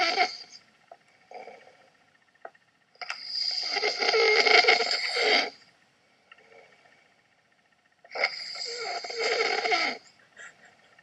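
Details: Adult husband snoring in sleep, possibly after drinking: two long, harsh, rattling snores about five seconds apart, with quiet pauses between them; snoring.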